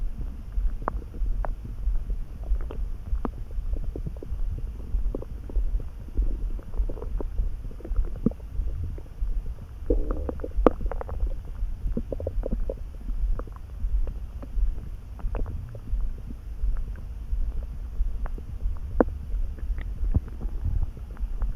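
Continuous low gurgling and rumbling with scattered squelches and pops; bowel sounds, normal stomach rumbling.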